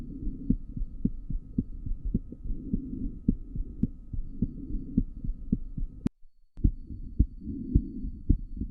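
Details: Steady, rapid paired pediatric heart sounds from a child's chest, about 110 beats per minute.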